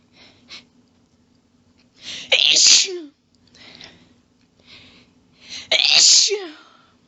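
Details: Female in a long, rapid sneezing fit: two forceful sneezes, each preceded by catching breaths and ending in a trailing voiced sound.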